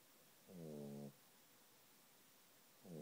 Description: Puppy snoring ...